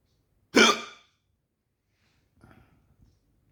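One sharp, abrupt voiced catch, then quiet breathing and faint rustle; a single hiccup.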